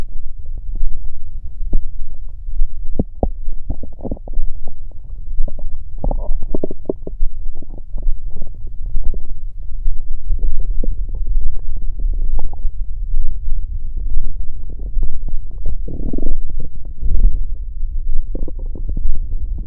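Continuous low gurgling and rumbling from the belly: stomach growling, ordinary bowel sounds.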